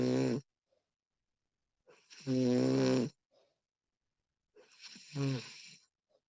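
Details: Female snoring during sleep, professionally recorded: loud, rattling snores on inhalation, roughly every two and a half to three seconds, separated by quiet pauses.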